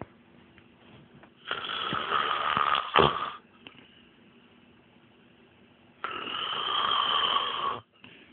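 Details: Man who denies snoring, snoring asleep: long rattling snores on the in-breath with quiet pauses between them, ordinary snoring in a small room.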